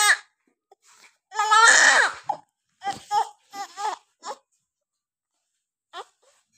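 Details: Short bursts of high-pitched crying from a newborn baby girl just after a normal delivery; her first cries after birth as breathing begins.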